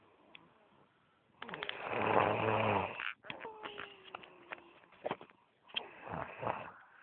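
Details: Loud, rattling, fluttering breath followed by rougher, buzzing breaths: snoring.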